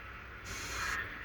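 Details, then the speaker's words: Training demonstration of oxygen turned up to 15 into a non-rebreather mask: soft, steady hiss of high-flow oxygen filling the reservoir bag, briefly louder midway. "Okay, when you got the bag valve mask, we're going to crank it up 15. You can hear that going. It's filling up,"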